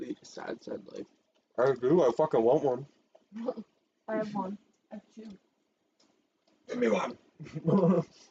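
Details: Adult speaker; Vocal tics (Tourette syndrome).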